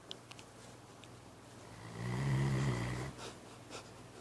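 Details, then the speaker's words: Labrador dog sleeping on a couch snoring: one low, rumbling, fluttering snore on the in-breath against quiet room noise; real, not staged. "This is 11369. Scooby-Doo. Snoring up a storm."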